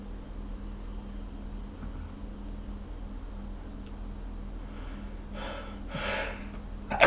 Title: Pre shower hangover sneezes